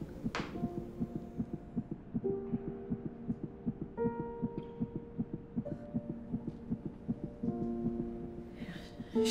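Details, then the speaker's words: Dramatized web-series ultrasound scene after a scare that turned out to be uterus stretching: rapid regular whooshing fetal heartbeat, about 158 a minute, under soft piano music, called pretty strong "for 8". "apparently it was just my uterus stretching and the baby oh look for yourself it's pretty strong heartbeat for 8"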